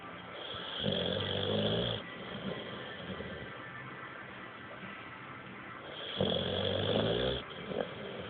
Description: Bulldog snoring on the couch